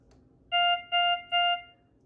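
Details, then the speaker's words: Three steady electronic tones from a ZOLL X Series monitor when the CO2 capnography button is pressed, with the pump starting briefly and no filter line connected; monitor alert beep. "machine beeps at me the yellow light flashes up here and you hear the pump start up for a second what the machine has now just realized is that there's not a disposable piece plugged in"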